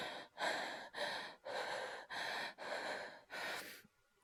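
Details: Acted hyperventilation by a male Japanese voice actor (all performed, no real illness): fast, loud, breathy gasping breaths, about seven in four seconds, then silence; simulated rapid breathing.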